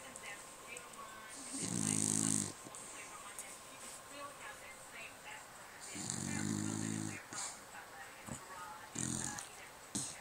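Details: Molly snoring: rhythmic, rough, fluttering breaths on inhalation, about three in ten seconds, over background room noise.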